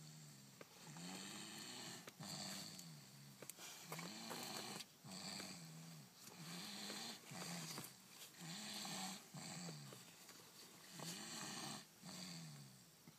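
Loud regular snoring, about 25 breaths a minute, each a rattling, raspy snore with a hissing edge in a small room.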